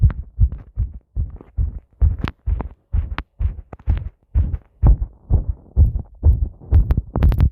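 Strong, rapid paired heart sounds at roughly 125 beats a minute, with some rubbing noise from the microphone pressed on the chest.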